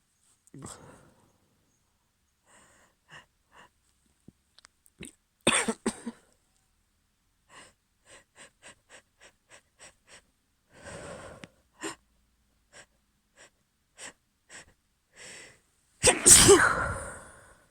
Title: Very wet allergy sneezes (f)